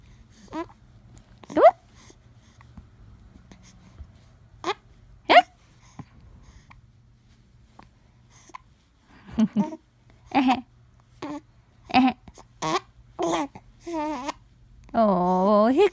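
Repeated sharp voiced catches at irregular intervals, about sixteen a minute, with some vocal sounds near the end; hiccups, involuntary breathing-muscle spasms.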